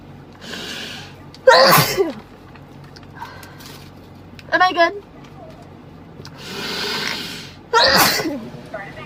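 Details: Sneezing set off by a Covid-19 nasal swab test on a girl: two loud sneezes, each preceded by a sharp in-breath, with a short sound between them; a reflex response to nasal irritation.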